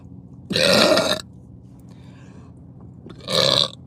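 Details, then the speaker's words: Two loud, deep, voiced belches about two seconds apart from a woman burping uncontrollably, in a quiet room; repeated burping. "oh excuse me excuse me I have a burp already wow that's impressive"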